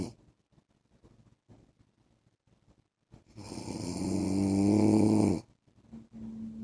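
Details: Adult man (husband) snoring during sleep: quiet breathing, then one loud droning snore of about two seconds, then a softer one.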